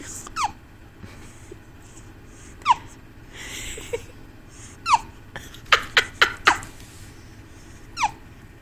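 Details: Two-week-old baby boy with hiccups: repeated sharp, abrupt hiccup sounds at irregular intervals, with a quick cluster near the end.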